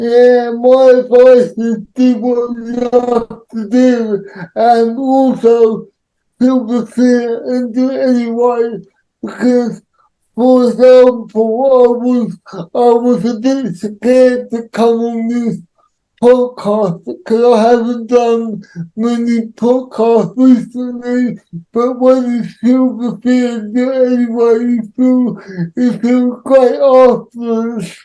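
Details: Adult man with cerebral palsy who says he cannot say some words, speech largely unintelligible to automatic transcription; dysarthria (cerebral palsy).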